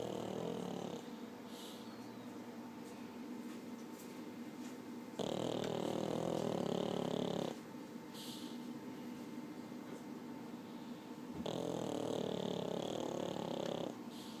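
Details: Pug in deep sleep: loud, rough, rattling snores on each breath in, with quieter breathing between; snoring in a short-nosed dog.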